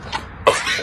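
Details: Sheep sneezing, possibly more than once, with people saying "bless you" around it and a cough mentioned afterward: sheep sneeze.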